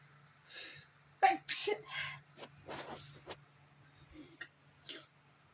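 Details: Sneezing during a bad allergy day: a soft sneeze followed by sniffing and quieter breathy bursts in a quiet room.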